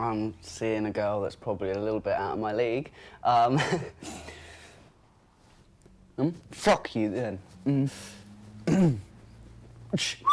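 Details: Tourette syndrome vocal tic (coprolalia) in a 21-year-old man with severe Tourette syndrome whose involuntary vocal tics, including swearing, are triggered by stress and anxiety; an involuntary swear word occurs during a greeting.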